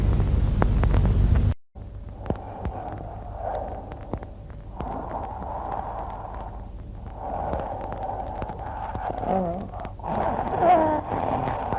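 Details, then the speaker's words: Cheyne-Stokes breathing, teaching recording: breath sounds in swelling groups with wave-like waxing and waning amplitude of breathing movements separated by short pauses. "в следующем патологическим типом дыхания Это относится дыхание ченинг Стокса оно характеризуется волнообразными нарастанием и уменьшением амплитуды дыхательных движения и паузами между волнами"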